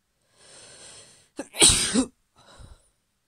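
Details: Sneeze: a female at the end of a cold, who woke up sneezing, gives a sharp inhaled build-up then one loud explosive burst through nose and mouth.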